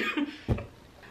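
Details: 23-year-old woman who got really sick during the holidays: a single short, loose cough burst in a quiet room.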